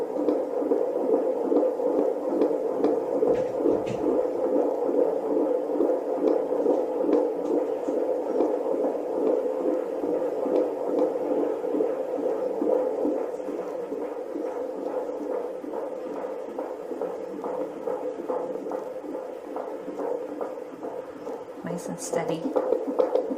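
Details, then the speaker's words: Fetal heartbeat on Doppler at 26 weeks of pregnancy during an OB visit, with fast, steady whooshing thumps at about 140 beats a minute, a normal rate. "okay so we are in the exam room I just heard the baby's heartbeat and I was able to record that for you"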